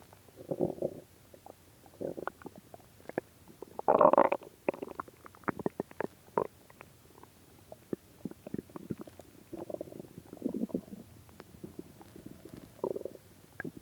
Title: my starving stomach Growling still have not eaten it's been 3 days and 4 hours no food so 76 hours